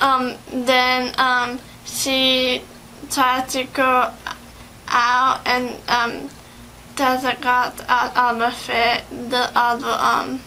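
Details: 17-year-old patient with aphasia, assessed in an interview with a speech therapist: aphasia.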